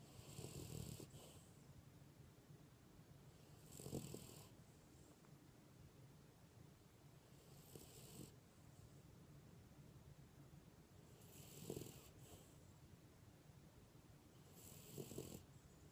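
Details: A dog comes to sleep on its owner's legs and snores softly: regular snoring breaths, about five in sixteen seconds, with low rumbling between them; snoring.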